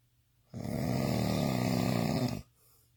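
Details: Drunk man snoring intensely: one long, loud, rattling snore of about two seconds, a coarse low flutter on the breath in.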